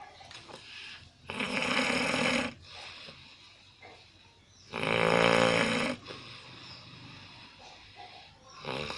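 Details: Loud, harsh, rattling snores on the in-breath, two long snores in nine seconds with quieter breathing between; heavy snoring.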